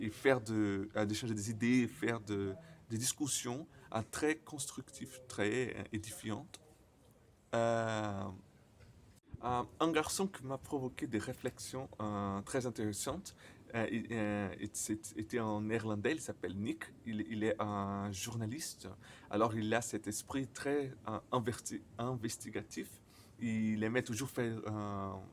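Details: Stuttering in a male speaker, speaking French, who says his stutter often involves silent moments.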